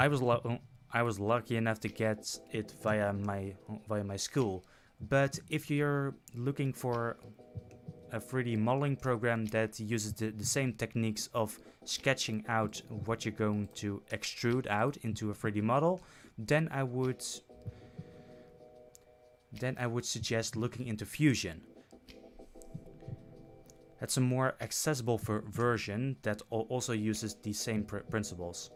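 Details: Adult male who self-reports stuttering when he speaks; repeated words and phrases. Stuttering.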